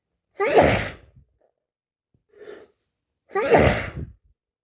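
Two loud, sudden sneezes with a small gasp between them, in a quiet room.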